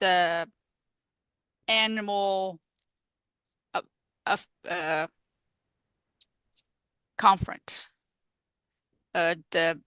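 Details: Real adult woman, a stroke survivor living with post-stroke aphasia, speaking in an interview; aphasia.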